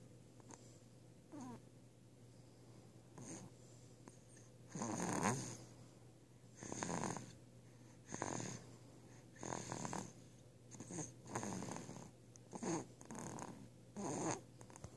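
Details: Snoring at 8 weeks: soft, irregular, snuffly snoring breaths, roughly 35 to 40 a minute, over quiet room hum.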